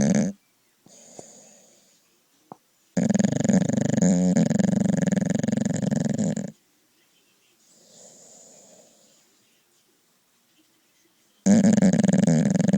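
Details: Sleeping dog snoring: loud, long, rattling snores broken by quiet gaps and softer breaths.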